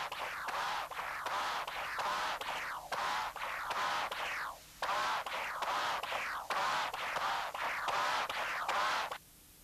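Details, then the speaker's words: CW Doppler in a 62-year-old male with a Starr-Edwards mitral prosthesis: a harsh, buzzing musical tone in each systolic envelope, an angry bee murmur of mitral regurgitation from a torn cusp. Intraoperative transesophageal echo confirmed the tear and the prosthesis was replaced. "This is the CW Doppler exam, which also shows unusual vibrations within the systolic envelope. Listen again to the angry bee murmur that is typical for a torn cusp."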